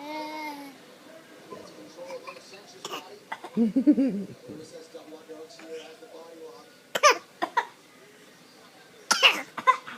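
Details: Young child voluntarily imitating coughing: a few short, sharp cough-like bursts amid babbling and vocal sounds.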